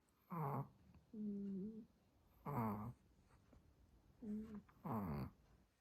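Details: Two small dogs, a Chihuahua and a Pomeranian, snoring in turn while asleep, one with rough rattling snores, the other with higher whistling tone-like snores: ordinary sleep snoring.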